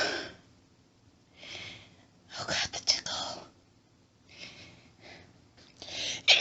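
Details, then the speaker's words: Acted hiding scenario with whispering: breathy, hushed bursts and suppressed, stifled sneezes in a quiet room, with a sharper sneeze near the end. "Can't stop. Need to stop sneezing. Oh God, it tickles. It's so hard. Not to sneeze."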